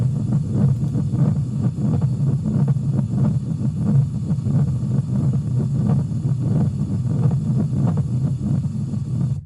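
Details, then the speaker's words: Pericardial friction rub in pericarditis: harsh, scratchy, Velcro-like low sounds repeating with each heartbeat, heard at three points in the cardiac cycle (atrial systole, ventricular diastole and systole) as inflamed pericardial layers rub. "It's a real scratchy type of sound actually. So it's more of a scratchy type of sound that you may hear during 3 points within the cardiac cycle."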